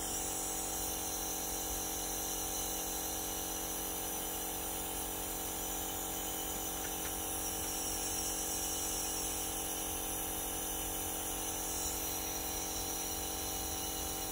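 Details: Beurer IH 21 compressor nebulizer running: a steady mechanical hum with a rapid buzzing motor tone and hiss.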